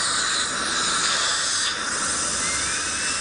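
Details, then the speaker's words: Steady high-pitched hissing whine of a dental drill running continuously to shorten a too-long tooth during cosmetic crown preparation; dental drill. "On our initial workup on the case, we felt like this one crown was a little too long. So we're going to take this down a little bit"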